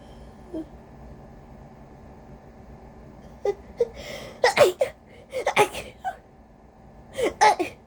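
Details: Induced sneezes during a head cold with a very congested, sensitive nose: several rapid-fire, forceful, wet, congested sneezes with sharp inhalations between, growing desperate and tired toward the middle; sneezing.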